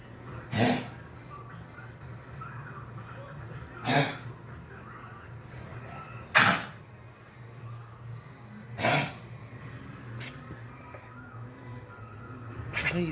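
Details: Female pet coughing: about five short, sharp coughs spaced a few seconds apart, with low room hum behind.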